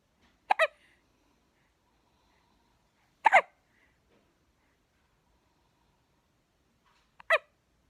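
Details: Hiccups in a two-week-old baby boy who couldn't stop hiccuping: three brief, sharp squeaky hiccups a few seconds apart in a quiet room.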